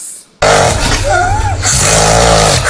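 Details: Imitated snoring: an adult deliberately makes a loud, rough, rattling snore lasting over two seconds, demonstrating snoring that may signal sleep apnea.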